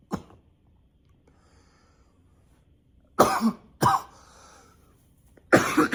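Four sharp, harsh coughs in quick bursts with short pauses between them; a repeated dry-sounding cough.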